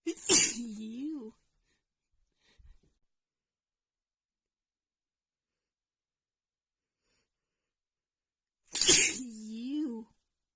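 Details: Female with runny nose after an hour outside in snowy cold weather, plus dust exposure; two sharp, explosive sneezes with voiced trailing sounds, separated by a long silence, during a sneezing attack.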